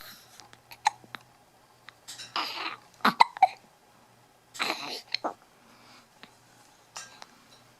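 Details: Young child with several abrupt, sharp hiccups, some catching partway through brief whiny sounds, in a quiet room, interfering with complaining, yawning and sleep. Hiccups.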